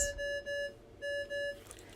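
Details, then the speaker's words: Repeated paired electronic beeps in a quiet room from a home overnight pulse oximetry monitor used for a child's sleep study, alarming for a signal-quality problem or disconnected sensor; oximetry monitor alarm. "If there is an issue with signal quality, an error message will be displayed on the front of the monitor, and the monitor will alarm to alert you of this."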